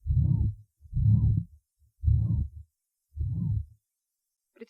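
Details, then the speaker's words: Female patient with rheumatic mitral regurgitation and bradysystolic atrial fibrillation, at the first point (apex): slow irregular heartbeat, with a systolic murmur starting right after a weakened first sound, filling all or most of systole. "прослушайте запись сделанную в первой точке аускультации у больной с романтической недостаточности митрального клапана на фоне броди систолической форма мерцательной аритмии"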